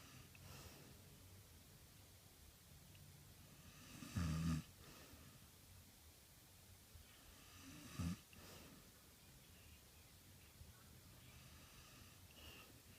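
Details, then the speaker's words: Woman snoring in her sleep while others comment: two loud, rough, rattling snores about four seconds apart, with quiet breathing between. "Why are you snoring? I'm not. Who is snoring? Oh no. Huh? Why are you sleeping too strong? Why are you snoring too strong?"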